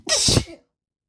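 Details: Adult's sneeze deliberately induced with grass on a high-pollen day, no known plant allergies: a single abrupt, forceful sneeze with a hissing burst and a short voiced tail; sneezing.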